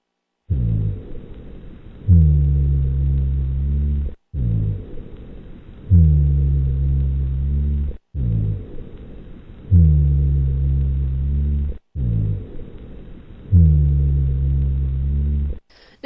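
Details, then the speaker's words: Rhonchi teaching sample for NCLEX: low-pitched, continuous snore-like sounds repeating with each breath, beginning on inspiration and mostly on expiration, caused by airway secretions and airway narrowing. "it really does sound like a snore doesn't it rhonchi sounds really do sound like a snore somebody snoring"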